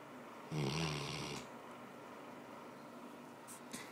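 A single loud, rough snore on an in-breath lasting about a second, followed by quiet room noise.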